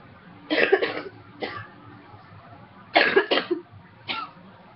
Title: Coughing #3